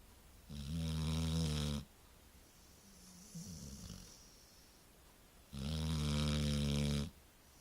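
Two long, loud, rumbling snores about five seconds apart, with quiet breathing between; dog snoring in sleep.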